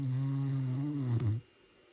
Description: Marvin the Great Pyrenees is a silly snoring machine! Listen to this cute dog snore so loud!!